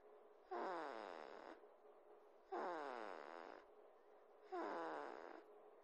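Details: A person snoring: three rhythmic, loud, buzzing snores, one every two seconds (about 30 a minute), a steady snoring pattern during sleep.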